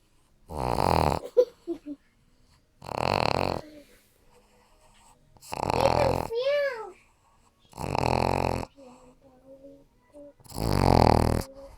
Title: My puppy Pug Johnny snoring